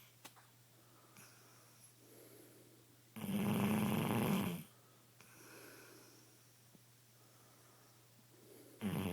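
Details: Shar pei dog sleeping and snoring loudly: soft rasping snore on the in-breath with quiet exhalations over a steady low room hum.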